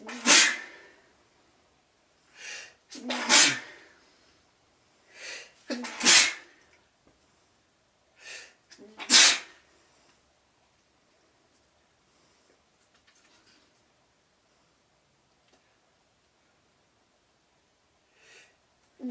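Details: Sneezing with nasal itchiness but no blocked nose that day: four sneezes in a row about three seconds apart, each preceded by a short gasping intake, then a faint fifth sound.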